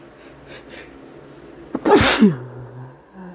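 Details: Male sneeze brought on by sneezing powder (chhinkni): a few faint sniffs, a quick intake of breath, then one forceful sneeze with a voiced tail.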